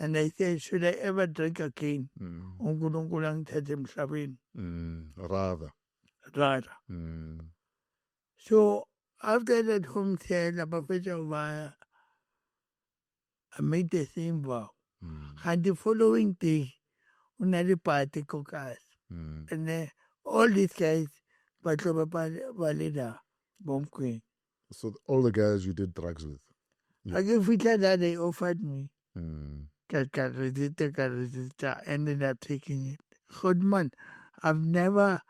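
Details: Adult male born with cerebral palsy, with a head injury from a car accident in June 2000 that affected his speech, walking and left-ear hearing; dysarthric speech impairment.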